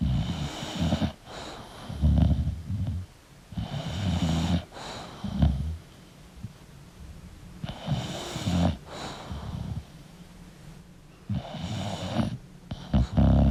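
Repeated snorting, rattling snores with wheezy breaths between them, typical of a flat-faced dog's noisy breathing during sleep.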